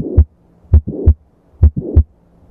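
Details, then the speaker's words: Mitral valve prolapse murmur, valve bulging back into the left atrium: regular heartbeat around 67 per minute with a late systolic blowing murmur, as in prolapse with regurgitation. "mitro valve prolapse murmur the mitro valve bulges backwards into the left atrium"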